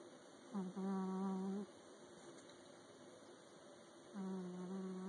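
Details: Sleeping cat: two soft, tonal, whistling snores about 3 seconds apart over a steady electrical hum; snoring.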